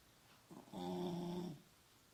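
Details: Beagle born in summer 2004, recorded January 2017, snoring in its sleep: a brief fluttery start, then a steady humming rasp lasting about a second, in a quiet room.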